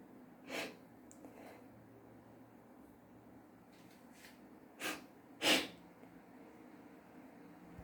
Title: Wide Nose,Loud Sneezes Philippines.